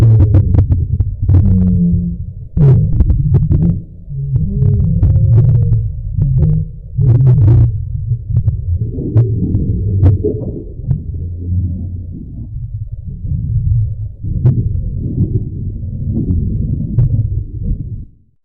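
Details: Hungry male's stomach growling: loud, deep, sustained rumbling and groaning with brief pops; normal borborygmi.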